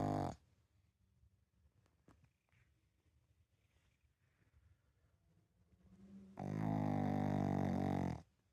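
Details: Pug snoring: loud, buzzy, drawn-out snorts separated by a quiet pause, typical of a flat-faced dog snoring through a narrowed airway.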